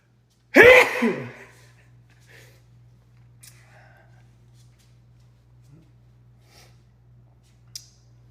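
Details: Single sharp, explosive sneeze from a male, then quiet breathing; sneezing.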